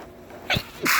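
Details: Sneezing: two quick, sharp, hissing bursts of air about a third of a second apart, a pair of sneezes.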